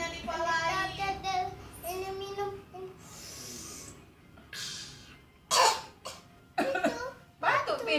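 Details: Young child, tired, makes sing-song vocalizing, then several short, sharp coughs in quick bursts; a cough.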